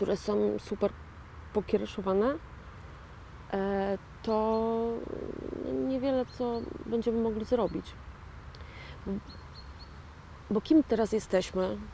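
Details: 41-year-old woman with aphasia following a stroke in 2009; a real stroke survivor who calls herself an aphasian; aphasia after stroke.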